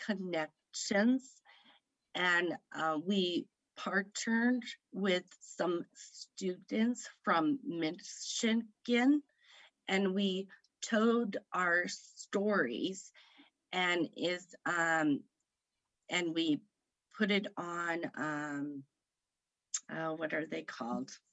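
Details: Aphasia in a woman about 3 years after a stroke at age 38 (September 2018) that affected her right side.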